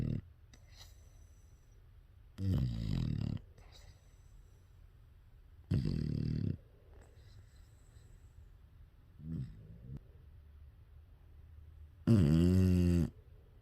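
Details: An English bulldog snoring in a quiet room: low rumbling snores in four bursts with long pauses between, the last loudest and most rattling; dog snoring.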